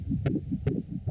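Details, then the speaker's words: Fast, regular whooshing fetal heartbeat picked up by ultrasound Doppler in a pregnant woman, as the heart rate settles after the mother calms following anxiety-related acceleration; fetal heartbeat. "안정을 되찾자 태아 심박동 도 병원 외전 나루"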